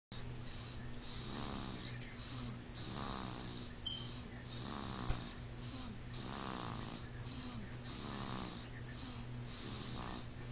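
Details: Sleeping baby snoring loudly and steadily like a grown man, with a rough rattle on each breath, about 20 breaths a minute, over a constant low hum.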